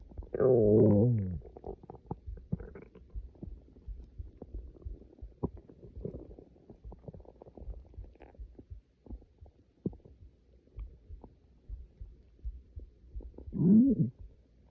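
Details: Person waking up starving before class, stomach growling: loud gurgling growls at start and end with faint rumbling between; hunger-related borborygmi, a normal finding.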